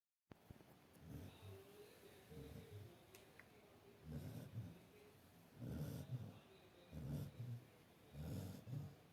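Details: Sleeping dog snoring: repeated low, rattling snorts with each breath, about 12 per minute, in a quiet room; snoring.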